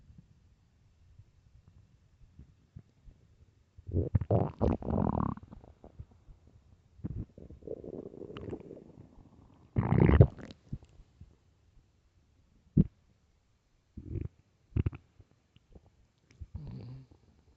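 Loud, drawn-out low rumbles and gurgles in bursts with quiet gaps; ordinary stomach growling on an empty stomach.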